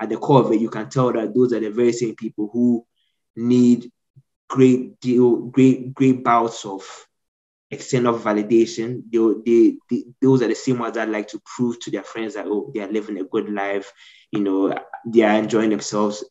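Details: Stuttering since childhood in an adult man, severe while growing up, now managed after speech therapy.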